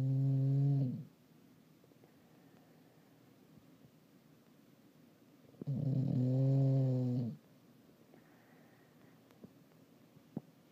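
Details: English bulldog snoring while asleep: two loud, rattling, low-pitched snores about five seconds apart, each lasting over a second, in a quiet room; snoring.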